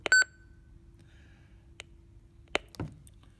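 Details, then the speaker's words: A few short electronic beeps and clicks in a quiet room as a defibrillator runs its full self-test, started by pressing and holding a button, checking battery status and pad expiry; recommended at least monthly. "you simply press this button and hold it and it will once again carry out its full test and in that test you can tell you the battery status the pad status of when they expire"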